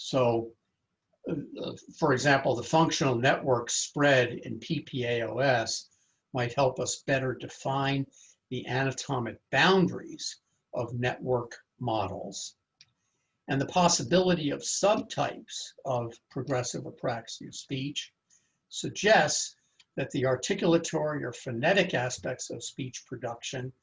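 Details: Adult male lecturer; typical speech.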